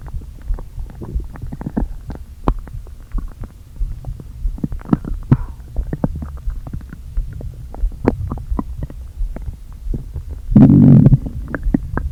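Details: Stomach noises from a person who had not eaten all day, with air deliberately inflated into the stomach: frequent gurgles, clicks and low hollow groans with one louder rumble; bowel sounds.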